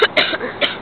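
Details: Three quick, dry coughs from a child while riding in a car, with faint vehicle noise in the background.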